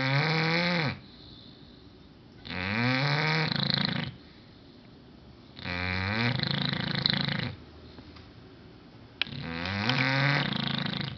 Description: My english bulldog Ballerina snoring very LOUD